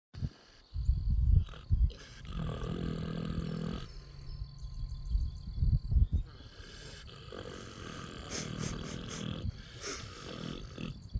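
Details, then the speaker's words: Sleeping female pet hog, about 9 years old, outdoors: loud, deep rumbling breath noises with grunting snorts; snoring. "This is my dad's pet hog, Piggly. Piggly. She's snoring up a storm."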